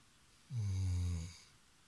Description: In this video you can see how Labrador retriever snoring at night.